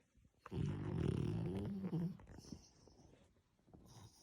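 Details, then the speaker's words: Sleeping French Bulldog snoring: a loud, rumbling, grunting snore, then quieter breathing. "You're loud. You snoring?"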